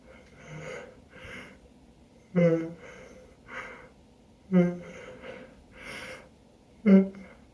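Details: Suspected pollen allergy after moving to a new city, itchy nose and eyes, morning sneezing attack: repeated loud voiced sneezes with inhaled gasps between, three strong sneezes in a run.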